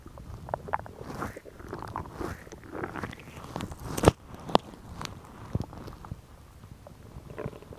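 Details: Woman's stomach growling recorded as ASMR: irregular gurgles, rumbles and soft pops from the belly with a couple of sharper clicks; normal bowel sounds, borborygmi.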